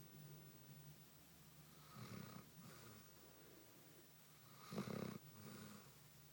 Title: Basset Hound Marley snores while sound asleep